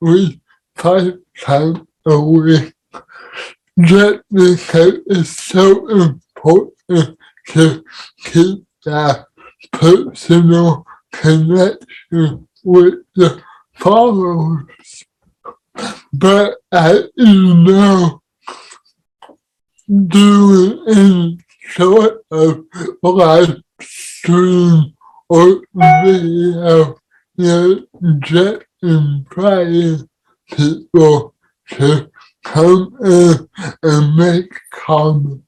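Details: Adult man with cerebral palsy; dysarthria.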